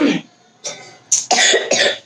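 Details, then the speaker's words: Child's cough that won't stop even though a doctor has given medicine: an isolated bout, then a rapid run of about three harsh coughs. "खांसी जो इसकी नहीं रुक रही है हालांकि डॉक्टर ने मेडिसिन भी दी हुई है"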